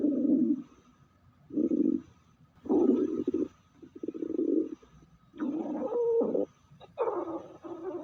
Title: Stomach growl✅✅